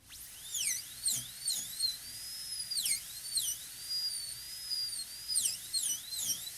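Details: A high-speed dental drill does axial reduction to a shoulder about 1 mm above the gingiva on a maxillary canine of a typodont model during a PFM crown prep; its high-pitched whine repeatedly dips and rises.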